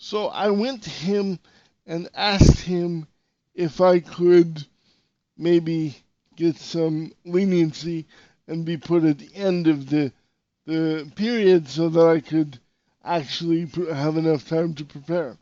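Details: Dysarthria in an adult male podcast host with severe cerebral palsy.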